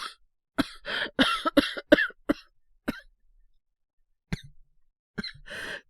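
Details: Simulated cold cough acted by a male voice actor playing a boyfriend with a high fever and headache: a rapid run of short coughs, then two more after a pause.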